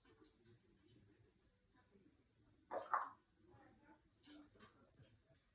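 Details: Female African grey parrot mimicking a cough while fooling around, not sick; one short, husky cough-like burst: imitated cough.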